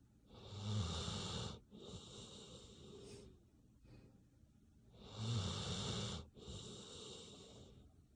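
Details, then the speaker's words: Sleeping dog, possibly entering REM sleep: two slow snoring cycles, each a rough rattling breath in followed by a softer breath out; ordinary snoring. "Relaxing sounds of sleep. Doggy snoring is sleep inducing."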